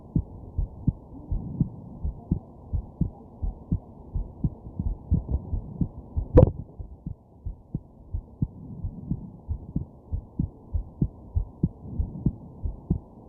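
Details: Regular heartbeat, roughly 100 beats a minute, under a low steady hum, with one sharp hiccup-like jolt midway; recorded lying down while sick with a stuffed nose and hiccups.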